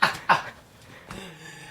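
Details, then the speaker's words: Cough in an adult man recovering from bronchitis, still coughing it up after being laid flat: two quick, rough coughs. "I mean, flat on my ass, and as you can hear, I'm still coughing it up."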